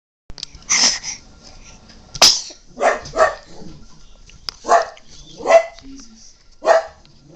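A dog gives a couple of sharp, hissing sneezes among short snorting and vocal sounds; a sneeze.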